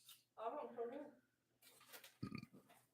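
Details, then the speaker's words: Adult during a live stream: a loud, low, voiced burp lasting under a second, then brief quiet noises in a small room; eructation. "Probably was very loud. I know it was loud. I just burped over here."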